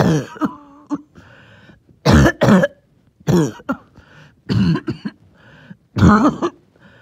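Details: About five harsh, loose coughs, some in quick pairs, with rattly phlegm and faint wheezy whistling between them; a wet, wheezy productive cough.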